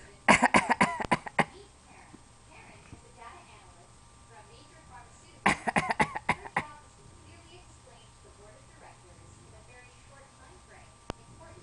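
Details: Young child gives two quick runs of deliberate, fake coughs, each about seven short dry bursts; a voluntary cough.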